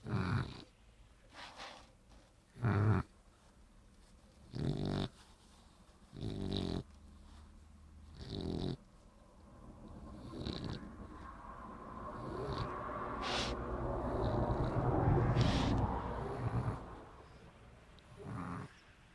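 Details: Sleeping Shar-Pei dog (possibly KAPI) snoring: repeated low, rough snorts followed by a longer rumbling snore stretch.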